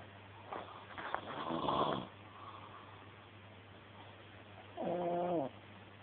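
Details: Adult man asleep on a settee: a rough, rattling snore on the in-breath, then a shorter buzzing snore a few seconds later, over a steady electrical hum; snoring.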